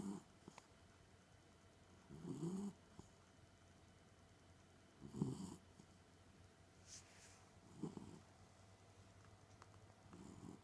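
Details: Snoring from Cooper, a sleeping dog in a quiet room: soft, rough snorts about every two to three seconds.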